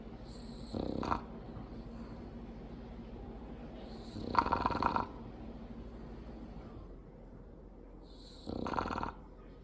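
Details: Snorting, rattling snores with a whistling edge, three in ten seconds, from a sleeping female bulldog over steady room hum: snoring.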